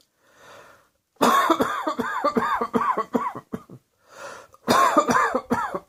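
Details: Rapid run of short, voiced coughs in two bouts with a quiet breath between them; cough.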